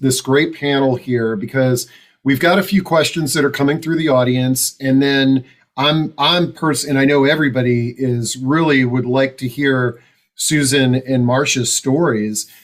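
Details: Adult male host; normal speech.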